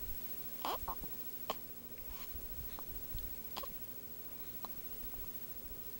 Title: Hiccups 9/20/11